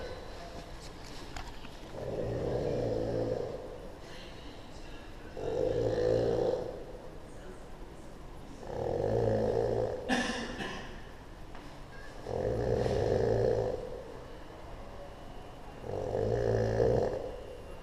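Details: Person sleeping in Sydney airport at night, snoring extremely loudly: five deep, rumbling snores at regular intervals, about 17 breaths a minute, each lasting over a second; loud, heavy snoring.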